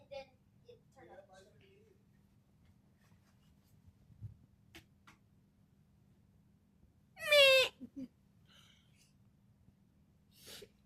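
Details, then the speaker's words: Infant sneezing on his father during a visit: one sudden loud burst with a high squeaky voiced sound, then two small snorts, in a quiet room. "excuse you man dang sneezing all on people man what's wrong with you man"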